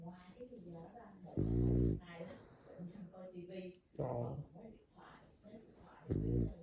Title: Snoring puppy goes 😴